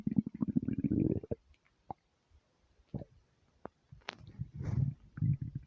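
Gurgling, bubbling rumbles with squelches and brief pauses, the ordinary stomach noises of an empty stomach.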